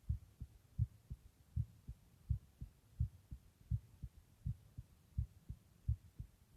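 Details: Own heartbeat recording: steady, regular low double thumps at about 85 beats a minute; a normal heartbeat.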